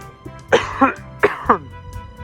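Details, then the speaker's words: Demonstration of how to cough in public to limit germ spread during COVID-19: four short cough bursts in two pairs over faint background music; ordinary cough. "so if you're going to go in public and you're going to cough here is the right way to cough in public"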